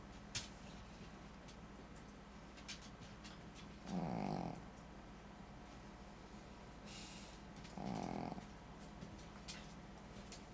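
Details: Loud snoring from a sleeping Shih Tzu: two loud, rough snores about four seconds apart over steady room noise.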